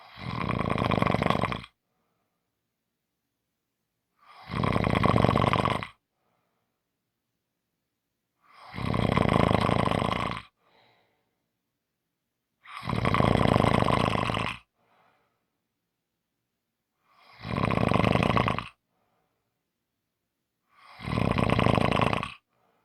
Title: Short snoring Audio